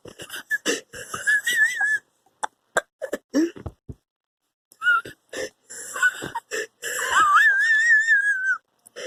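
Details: Person wheezing for about 50 seconds and about to use an inhaler: breathing with high, musical whistling tones over rough airflow, from narrowed airways.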